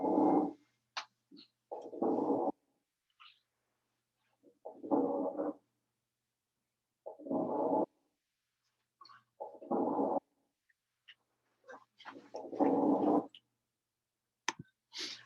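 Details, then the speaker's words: Fine crackles in a teaching example: regular breath sounds with faint, scattered fine pops, like Rice Krispies in milk, a sign of fluid in the small airways. "it's really sort of like when you pour a bowl of rice krispies with some milk it lets out a few pops and that's pretty much it"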